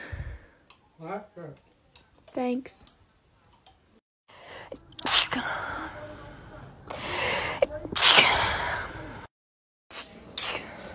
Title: TikTok Sneezing 52